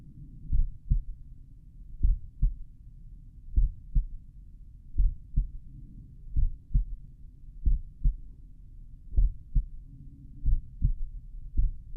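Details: Slowed-playback stethoscope recording at the mitral area, person lying on back: deep paired heartbeat thumps, no clear abnormal sound standing out; heart sounds.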